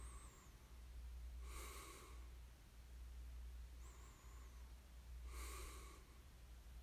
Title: [코 고는 소리 ASMR] 숨 소리만 들리던 날. The day I could only hear the sound of my breath.